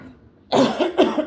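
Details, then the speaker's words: Adult woman with a recent severe coughing attack that left her breathless and nauseous gives two short, slightly throaty coughs in quick succession after a moment of quiet. "but if I get a cough attack like that again I need to go to the ER they said"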